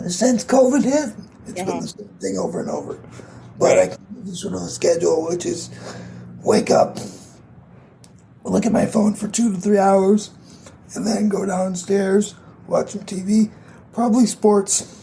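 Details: 22-year-old man with cerebral palsy affecting his muscles, tighter muscles making talking more difficult, audible in his voice; dysarthria (cerebral palsy).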